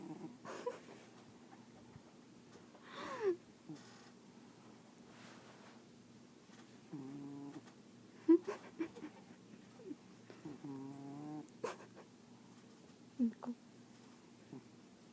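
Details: Light snoring with quiet, irregular breaths and a few buzzy, whistly notes.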